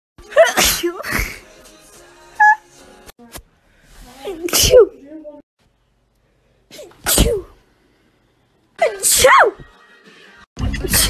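A series of sharp, explosive sneezes, about five, each often preceded by a brief intake of breath, with a little voice between them.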